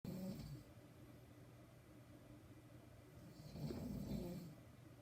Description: Nighttime snoring can be fun.